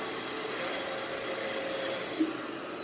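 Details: ABMRC BiWaze Cough mechanical insufflation-exsufflation device in manual mode, pause pressure 14 cmH2O, demonstrated during setup: steady rushing airflow hiss with a brief click near the end; cough assist device running.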